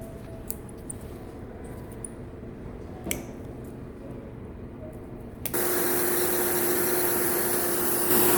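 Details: Quiet room with faint clicks, then a steady high whir as an electric nail grinder starts on an ingrown toenail curled for 40 years. This is the second treatment session, about a month after the first, and the patient reports no pain.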